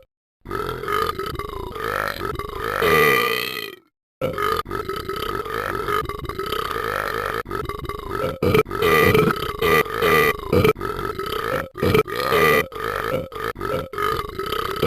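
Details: Person burping: long, loud voiced belches, one sustained and then a run of repeated burps.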